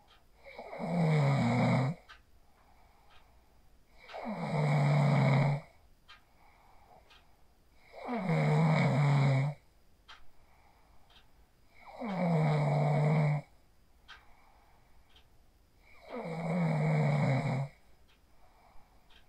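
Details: Loud, deep, rattling snores on each breath in, about 16 a minute, with quiet pauses between, from a man asleep after practising the 4-7-8 breathing technique, recorded on a phone; snoring.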